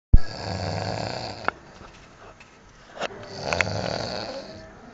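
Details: Man snoring loudly: loud, low rattling snores on the in-breath with quieter pauses between them, in a small room.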